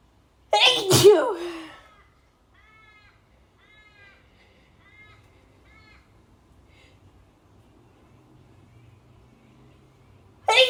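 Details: Female, dust-triggered sneezing: one loud, harsh sneeze followed by quiet room noise, with the start of another sneeze at the very end.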